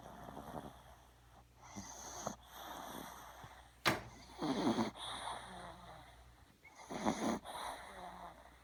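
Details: Small puppy sleeping: quiet, soft snoring breaths with faint snorts, described as surprisingly loud for its size, against low room hum: snoring.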